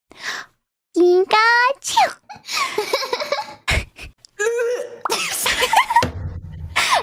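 Several high-pitched, squeaky imitated sneezes mixed with laughter and talk; a deliberate imitation, not a real sneeze.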